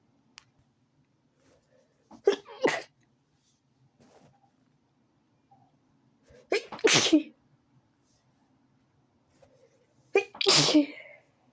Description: I had to sneeze all of a suchen, it happened so fast that I couldn't record it from the begining..